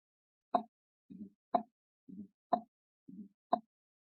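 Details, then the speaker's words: Fourth heart sound (S4), presented in a heart-sounds physiology lecture as arising when the left ventricle does not fill properly in time. "همچنان صدای چهارم قلب از باعث رپ ل یعنی زمانی که چپ درست چی نمیشه به وقتش پر نمیشه ای صدا را به وجود میاره"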